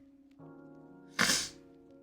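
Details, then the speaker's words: Repeated sneezing from a person whose allergies are acting up, heard while cross-stitching and chatting; sneeze. "apologize for all the sneezing um it would have been almost impossible for me to reach the microphone to mute so you didn't hear the sneezing"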